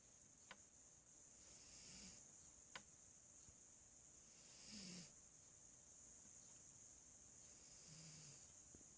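Soft, slow snoring in a puppy, about 20 breaths a minute, under a steady high-pitched hiss.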